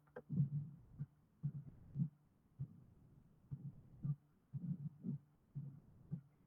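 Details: Mid-diastolic murmur of mitral stenosis, played as a teaching example of valvular heart disease murmurs.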